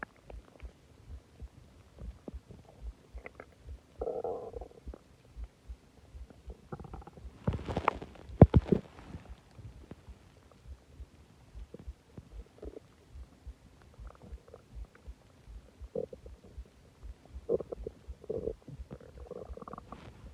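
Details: Loud stomach growling after eating a lot and drinking soda; frequent low gurgles and rumbling groans with a louder burst midway. Borborygmi.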